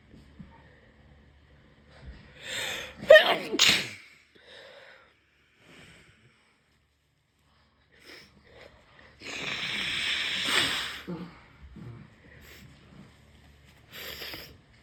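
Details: Two forceful sneezes, the second long and explosive, from a sick, congested adult who cannot breathe through the nose and is inducing sneezes to clear the sinuses.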